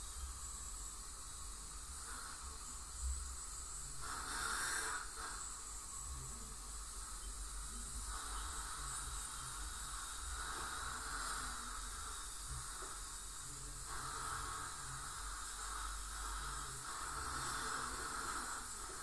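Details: Ultrasonic scaling by a dental hygienist on a patient with heavy plaque and tartar, possibly gingival inflammation or full-mouth debridement: steady high hiss of water spray and suction with faint buzzing from the scaler during professional teeth cleaning.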